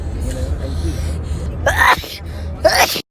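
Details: Someone sneezing after drinking a soft drink: two loud explosive sneezes about a second apart over a steady low rumble and background noise.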